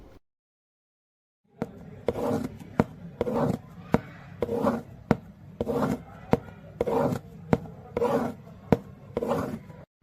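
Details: Simulated pansystolic murmur of mitral regurgitation, made with a cardboard box: steady rasping murmur fills each gap between sharp taps, about 50 beats a minute.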